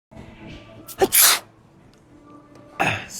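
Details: Fake sneeze for a prank, with water sprayed on a friend and hay fever claimed as the excuse: a quick catch of breath, then a forceful burst of air and a second breathy burst.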